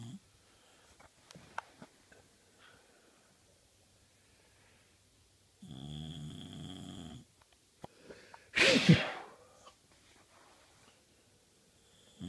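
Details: Sleeping Australian Bulldog: one long, rattling, buzzing snore, then a sharp snorting burst, among quiet pauses; snoring.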